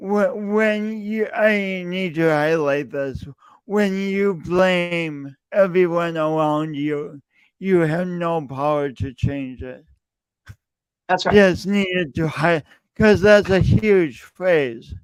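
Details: Male speaker who self-reports an audible speech impediment present whenever he speaks; speech impediment.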